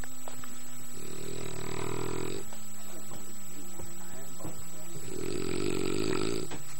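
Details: Adult man snoring while asleep on a camping trip: two long, loud, rattling inhaled snores with quieter breathing between them over a steady background hum.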